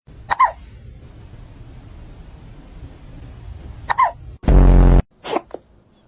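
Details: A cat makes two brief, sharp hiccup sounds a few seconds apart, with a loud burst of room noise between; the owner suggests it ate its food too fast.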